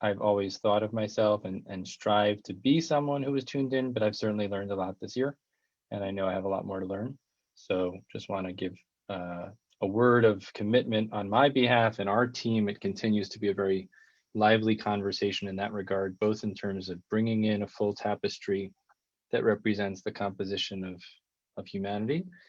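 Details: Adult man speaking; typical speech.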